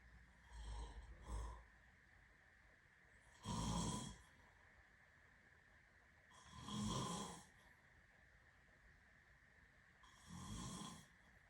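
Rough, rattling snores on each breath, about four in ten seconds, with quiet pauses between.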